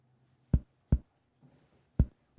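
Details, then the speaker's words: Percussion of all four abdominal quadrants during a health assessment: short, hollow taps giving a tympanic note indicating gas in the bowel; tympany normally predominates. "After warming your hands, use percussion to assess all four quadrants. As you do, note areas of timony indicating"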